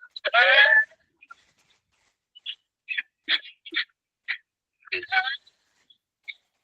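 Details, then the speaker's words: A long, high-pitched drawn-in whoop followed by a run of short, strained coughs, a whooping cough (pertussis) example used in a class where coughing comes with breathlessness. "ശ്വാസം കിട്ടാതെ വലിച്ചിട്ടാണ് അവരുടെ ചുമ വരുക"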